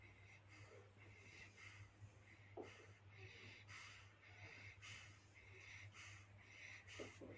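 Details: Newborn baby breathing rapidly, about 50 breaths a minute, with snuffly, noisy, congested, wheezy breaths.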